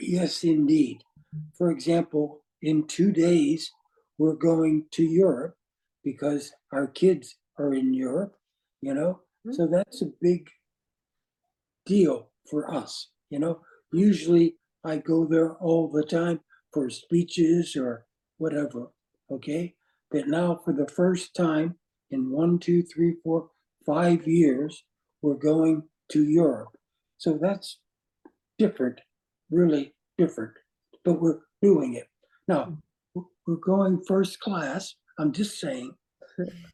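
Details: Aphasia after stroke in an adult man, with words not flowing and difficulty with instant word choice.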